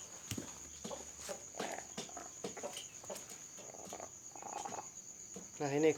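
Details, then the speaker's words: A handled rooster with respiratory snoring, being treated with betel leaf extract and chili, makes repeated short, rattling, raspy breath noises and ends with a brief squawk, fitting respiratory rales in poultry. "ini kedengaran ya ngoroknya. Perawatan akan terus saya lakukan selama 3 hari berturut-turut sampai dia sembuh dari ngorok."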